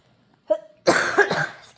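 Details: Child coughing during a countdown: a brief voiced catch, then one harsh, loud cough in a small quiet room.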